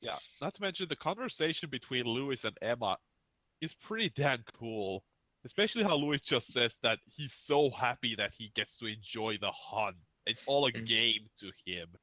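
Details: Adult man speaking; ordinary speech.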